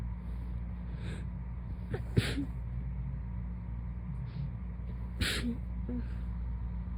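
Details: Two soft, muffled, sleepy sneezes with small breathy sounds around them over a steady low hum, from a person woken from a nap; ordinary sneezing.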